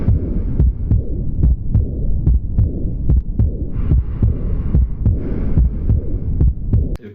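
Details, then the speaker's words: Heart sounds, heard with headphones, of aortic regurgitation: a regular heartbeat near 72 a minute with a soft blowing murmur after the second heart sound. "el tercero es una insuficiencia aórtica"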